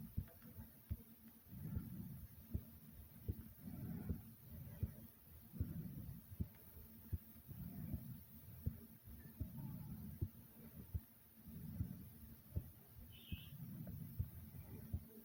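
Quick, sharp heartbeats under deep, rhythmic breaths of about 30 a minute, heard after exertion.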